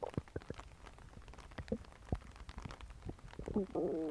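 Rapid bubbling pops and gurgles ending in a longer squeaky rumble; ordinary stomach growling.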